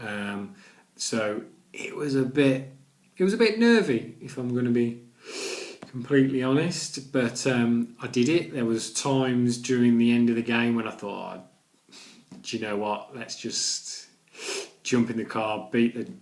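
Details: Adult man with a stammer that includes blocks and repetitions: stammering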